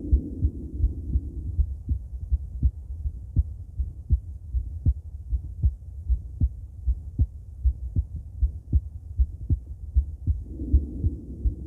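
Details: Female heart auscultated with different stethoscopes at Erb's point, mitral, tricuspid, aortic and pulmonic areas: regular lub-dub about 75 a minute with low stethoscope rumble; normal heart sounds.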